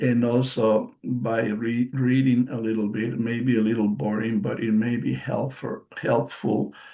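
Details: Real post-stroke aphasia in a male bilingual psychotherapist who has been a stroke survivor since March 2020; he reports the aphasia himself and notes that it affects his pronunciation.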